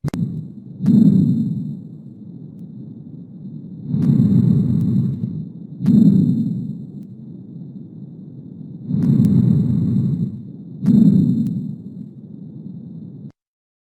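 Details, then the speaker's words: Lung auscultation with a stethoscope: soft, low-pitched, quiet rustling breaths over the lower lung, about 12/min, with inspiration slightly longer than expiration. These are normal vesicular breath sounds. "con esto quiero de que te lleves una conclusión de que el murmullo se escucha muy bajo y ahorita lo vas a comprobar Y de paso comprueba Cuál es más larga la inspiración o la espiración te vas a dar cuenta que la inspiración es levemente más larga a comparación de los anteriores"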